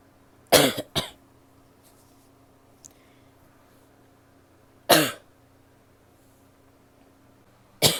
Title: coughing (f)